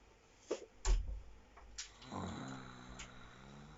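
A few short snorts, then a low rumbling breath sound in a quiet room, fitting snoring.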